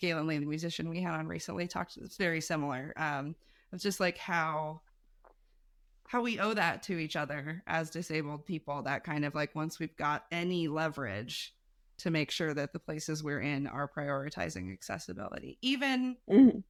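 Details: Adult speaker; typical speech.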